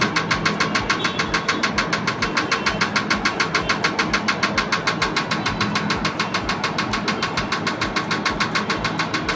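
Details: Laser removal of a nevus of Ota birthmark, third session, lesion already much lighter, patient reports no pain; steady rapid clicking pulses, about 136 a minute, from the dermatological laser firing.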